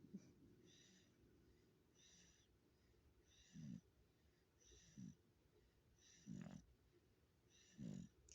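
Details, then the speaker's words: Soft, low rumbling snores with each breath, about 40 a minute, from a sleeping three-month-old baby girl who is teething: infant snoring. "this is what she does we do the same thing she snores like i do"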